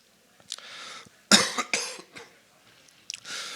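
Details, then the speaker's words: An adult who lost their voice the week before and is still sick with fever gives several short, harsh coughs with some throat clearing in a quiet room. "first of all, sorry for my voice. If it was last week, I lost my voice, and still I'm somehow sick with fever."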